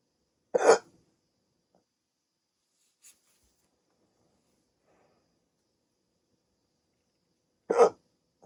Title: 16 MINUTE HICCUP ATTACK 😩 Waking up with the hiccups - Sleep Apnea CPAP Treatment September 3, 2023